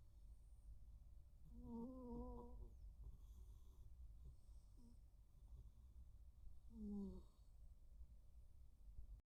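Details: Two rescued cats, one a tuxedo cat, snoring in sleep: soft, low snoring breaths with a faint buzzy tone, heard twice over steady low room hum.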